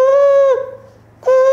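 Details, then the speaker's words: A doctor vocally imitates, as a steady high-pitched hum heard twice, the raised-pitch bruit over a narrowed dialysis access, which replaces the normal low flowing sound when heard with the ear directly on the access. "이 소리가 문제가 생기면 피치가 올라가는, 음역이 올라가요."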